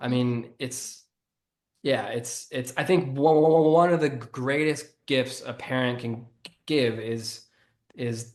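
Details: Stuttering in an adult man who has stuttered since childhood and was bullied for it while growing up.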